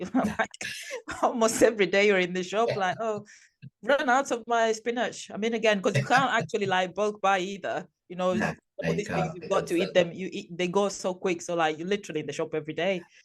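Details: Adult speaker in conversation; ordinary speech.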